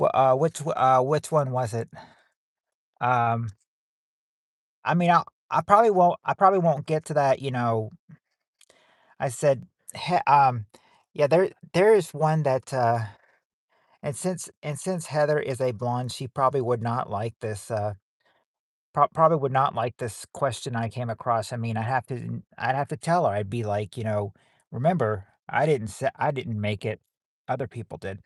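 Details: Stuttering in a 40-year-old man hosting a livestream; he says he stutters so much that he probably repeats himself, with frequent word and phrase repetitions.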